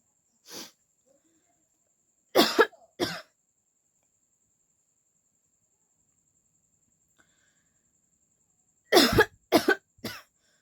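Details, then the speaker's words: About eight short dry coughs in two clusters separated by silence, from a woman with a common cold caught while out in the heat at Durga Puja; a real cough. "तो guys इस वजह से मुझे थोड़ा सा जुकाम सर्दी जुकाम हो गया है"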